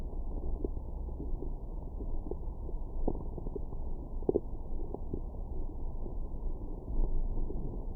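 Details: Stomach growling after breakfast: low, continuous rumbling with scattered soft gurgles from the belly; post-meal bowel sounds.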